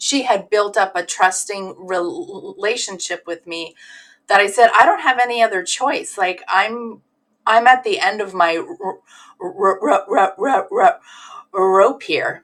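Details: Stuttering in an adult woman who stutters, assessed at a severe level as a teenager, involved in the stuttering community over twenty years; sound repetitions and word repetitions.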